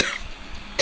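A single short, harsh cough burst from an adult, followed by quiet.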